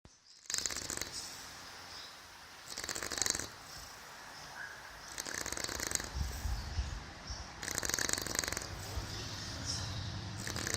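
Repeated rough, noisy breaths every two to three seconds, consistent with snoring, over room noise.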